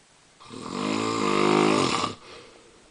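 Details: Adult man snoring, worse than in an earlier recording: a single loud, buzzing, tonal snore on the in-breath, rising then cutting off sharply.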